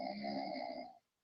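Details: An adult man asleep, said to be snoring after drinking whiskey, gives a single loud, buzzing, rattling snore lasting about a second on one breath, then silence.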